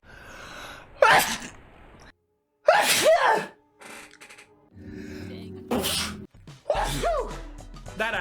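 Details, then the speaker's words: Sneeze compilation from one person: several loud, sudden sneeze bursts, some preceded by a sharp intake of breath, with a low background hum between them. "wow now that was a sneeze"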